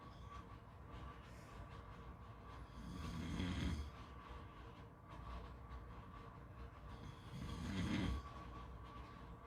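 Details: Two low, rumbling snores about five seconds apart over steady surf-like beach background noise; ordinary snoring.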